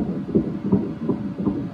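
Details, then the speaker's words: Rapid, regular whooshing pulses at about 160 beats a minute, heard on ultrasound Doppler in a 10-week twin pregnancy conceived by IUI; the second twin's fetal heartbeat. "and this is baby bee's heartbeat they're both really good"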